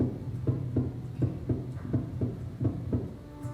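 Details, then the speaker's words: Normal heart sounds of a pet heard through a vet's stethoscope: steady low lub-dub beats at about 83 per minute, with soft music behind. "During these checks the vet will listen to your pet's heart with a stethoscope which is a tool to amplify the heart sounds. Through the stethoscope the beating of a normal heart makes a"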